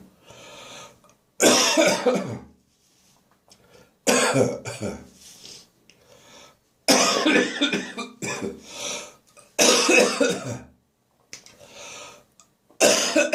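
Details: Morning bathroom coughing lingering after bronchitis, while clearing remaining phlegm: repeated harsh dry cough bursts in clusters, with throat-clearing and gagging between them; dry cough with gagging.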